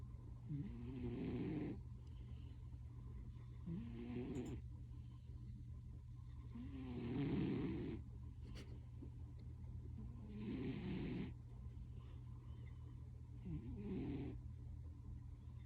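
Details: Sleeping cat snoring very loudly: rhythmic rasping snores, about 19 a minute, over a steady low hum.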